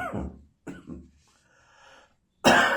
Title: Tickly Summer Morning Cough.